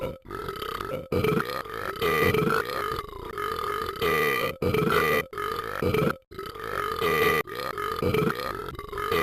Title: won't stop burping